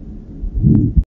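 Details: Aortic stenosis: ejection systolic murmur on auscultation, with a single S2 because A2 is delayed by prolonged left ventricular ejection; paradoxical S2 splitting may occur as severity increases.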